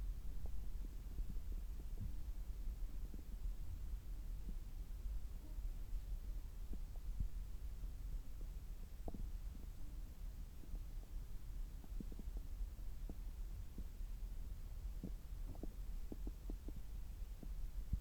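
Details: Abdomen heard through a stethoscope about three hours after a meal: low rumbling with scattered brief gurgles and clicks over a steady hum; normal active bowel sounds.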